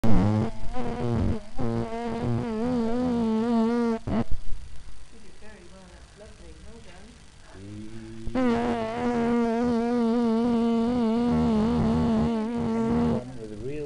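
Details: Voice recorded during a stroboscopy examination of vocal fold paresis; vocal fold paresis.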